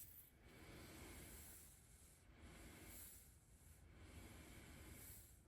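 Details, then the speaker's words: CPAP user with severe sleep apnea demonstrating mask fit: continuous rushing airflow with slow swells as air leaks around the loosened mask; it runs quieter when the mask is snug against the face. "the trick to this is it has to be snug tight with your face right see that see how it's a lot more quiet now but if I loosen it"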